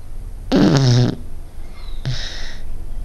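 A loud low rattling snore on one breath, then a softer breathy snore on the next, in a quiet room.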